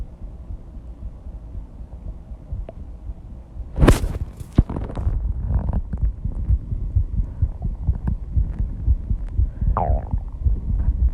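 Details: Heartbeat after intense exercise at 134 bpm: fast, deep thumps with a few brief rubbing noises, pounding loud enough to hear at first without the microphone; rapid heartbeat after exercise.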